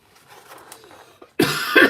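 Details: Adult, who says their breathing isn't great and they wheeze, gives one loud, harsh cough after a stretch of quiet room sound; a cough.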